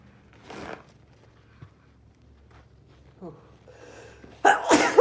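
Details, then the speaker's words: Man in chhinkni-induced sneezing fits, nose burning: soft breathy sounds, then one sudden explosive burst merging a cough with a sneeze. "Wow. That was a cough and a sneeze."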